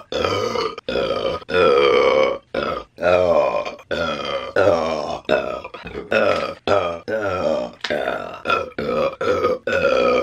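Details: Repeated long, loud, voiced belches from a burp compilation, with brief gaps between them: burping.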